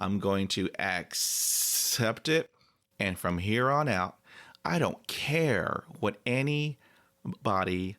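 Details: 40-year-old man with stuttering (stammering) since about age 4 or 5; he still has blocks, though fewer than before the Starfish Project.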